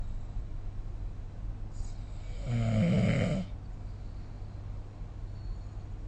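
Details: A single loud, low, rattling snore lasting about a second over steady room hum, recorded with the SnoreLab phone app; ordinary snoring during sleep.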